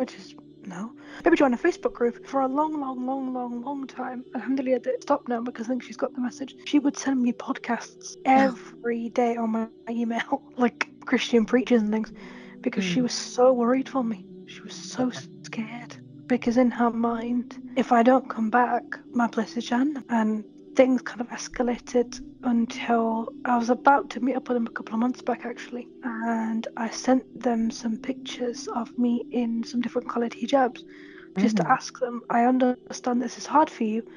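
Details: Adult woman with a stammer that she says is very mild when reciting in Arabic and worsens only on new words she struggles with; stammering.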